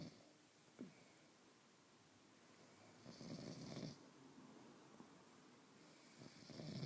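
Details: Soft, rhythmic snoring from a sleeping pet, with a louder rattling breath in the middle and quieter breaths around it, in a small room.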